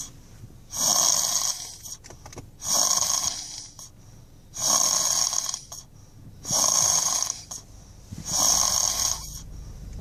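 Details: Sleeping child snoring loudly enough to lull a baby to sleep: five loud, rough, hissing snores in ten seconds, evenly spaced with quiet gaps, about 30 breaths a minute.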